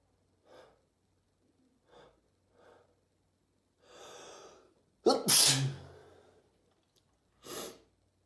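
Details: Sneezing, frequent lately: a few soft sniffs and breaths, then a sharp explosive sneeze followed by a smaller second sneeze.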